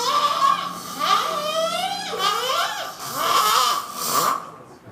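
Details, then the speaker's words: Loud, high, wavering whistle- and trumpet-like tones that rise and fall in repeated bursts with breathing during sleep: an unusual snore. "Is that the craziest snore you've ever heard? Yeah, by far I've never heard a snore quite like that. It almost sounded like a trumpet was kind of going off in the midd"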